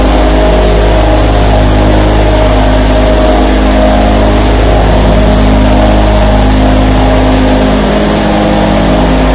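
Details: Loud, steady mechanical hum with a fast, even buzzing pulse from 24 nebulizer compressors running at once, recorded as a sleep-sound track; normal device operation.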